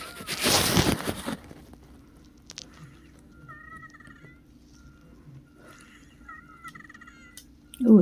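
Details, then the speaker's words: Recording of a female patient's lungs at a doctor's office, wheezing again, possibly after the walk there: thin, high whistling tones over two breaths from narrowed airways. "sorry I'm just listening to recording her lungs cuz it's weezing again I just want to hear the sound"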